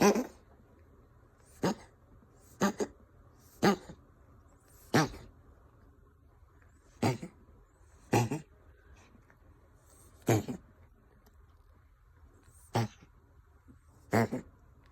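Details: A Ragdoll cat gives about eleven short, harsh, dry coughs in quick succession with a faint wheezy edge; the owner wonders whether it is a hairball or illness. Cough with wheezing.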